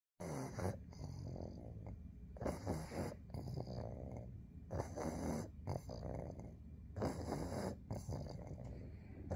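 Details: Steady, rough, rumbling snores about 26 a minute, each breath loud and fluttering, from a pug sleeping under a blanket; snoring.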